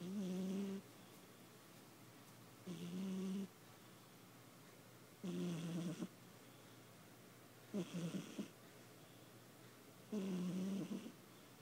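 Regular low rattling snores with each breath in, about 24 a minute, quiet between; a sleeping cat snoring, harmless.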